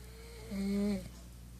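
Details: A single brief, tonal, whistling snore from a man over a steady background hum; snoring.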